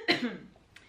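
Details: A single loud cough burst, then a faint second sound, from an immunodeficient, chronically ill woman who says she is sick after her partner fell ill; cough during an upper respiratory illness.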